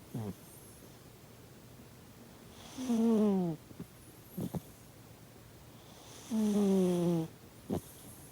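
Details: Sleeping cat snoring loudly: two loud, drawn-out, slightly falling snores about 3.5 seconds apart, with soft snuffles and clicks between them.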